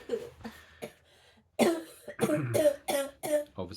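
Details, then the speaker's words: Repeated harsh, strained, voiced coughs forming a coughing spasm in an autistic woman with 22q11.2 deletion syndrome, seizures and dystonia; aspiration difficulties with dysphagia may cause such spasms. "aspiration difficulties with dysphasia may cause that coughing spasms."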